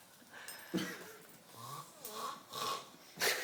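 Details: Person sleeping, nicknamed the pig: irregular snorting, rattling snores with a few whistling noises.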